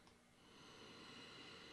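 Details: A single harsh, hissing breath drawn in, growing louder over faint room noise: stridor in a woman with subglottic stenosis, just below the vocal cords, awaiting treatment of the stenosis and tracheal steroid injections.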